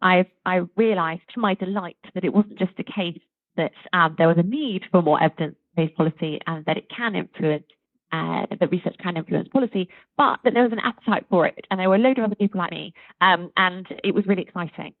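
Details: Adult woman speaking; Normal fluent speech.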